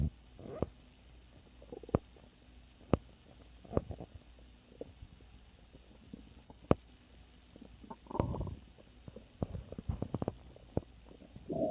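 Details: Stomach growling (borborygmi): low gurgling rumbles and brief pops from the belly in irregular bursts, gas and fluid moving.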